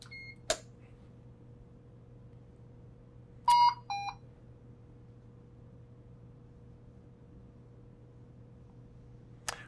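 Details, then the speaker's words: Quiet steady hum with a few short electronic tones and clicks as a Puritan Bennett 560 ventilator is switched on. "let's look at the front of the machine to help aid in that I'm going to go and turn the unit on"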